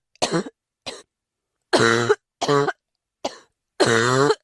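Six coughs in about four seconds, alternating short bursts with longer voiced, groaning coughs.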